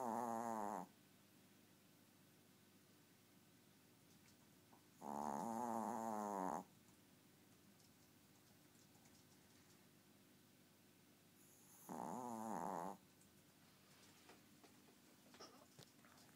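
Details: 4-year-old very tiny pet named Dobby snoring: three loud, buzzing snores, each about a second long, separated by long quiet pauses, roughly 10 per minute.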